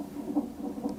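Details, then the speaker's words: Rapid, rhythmic whooshing fetal heart tones from the monitor during a non-stress test in late pregnancy, about three beats a second, with the baby moving a lot; fetal heart tones. "The nonstress test monitors the baby's heart rate. The higher the better."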